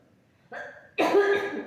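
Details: A short throat-clearing sound, then a single harsh cough from a person (addressed as Bu) with frequent coughing, during a non-medical spiritual session where the practitioner claims the cough is caused by a demon.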